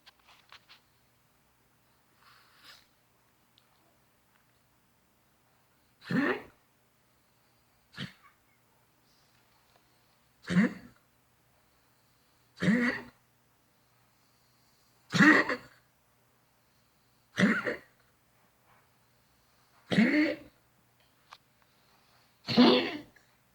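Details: Senior pug diagnosed with collapsed trachea, her regular coughing: a run of harsh, dry cough bursts every couple of seconds; flatulence may also be heard.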